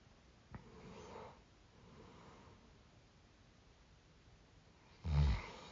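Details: Sleeper woken by own snoring: quiet breathing in a still room, then one loud, low, rough snort near the end; snort during sleep.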